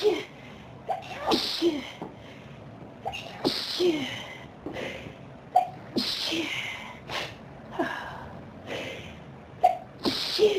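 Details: Adult: rapid run of about eight to ten sharp sneezes with quick gasping breaths between them; an intense sneezing fit.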